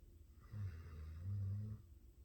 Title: No ignoring the snoring